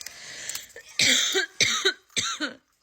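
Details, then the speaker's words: Three harsh, forceful coughs in quick succession, each with a brief voiced tail, after a quiet breathy lead-in; an adult mother with a summer cold, sore throat and chest pain. "am I the only one that caught a freaking summer cold I have a horrible cough and my throat is killing me and my chest hurts"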